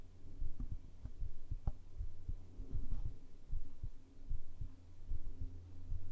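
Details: Heartbeat recorded with a binaural microphone: soft, low, steady thumps at about 75 a minute under a faint hum; normal heart sounds.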